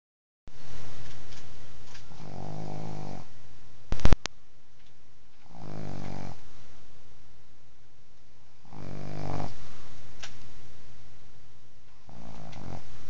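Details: Sleeping pug snoring: loud, low rattling snores repeating about every three seconds over steady background noise.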